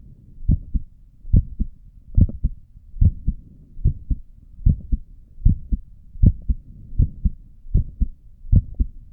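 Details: Adult's own resting heartbeat recorded with a stethoscope while sitting at a desk, neck pulse visible: regular paired low thumps at about 75 beats a minute, clear first and second sounds; normal heart sounds.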